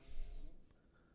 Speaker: that's great you can hear the doggy snoring